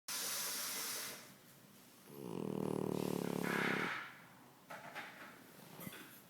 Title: Charlie (french bulldog) is snoring!!!